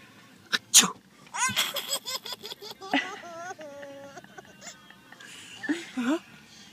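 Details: Two sharp sneezes from one person, possibly done on purpose, followed by another person's bursts of laughter and playful voices.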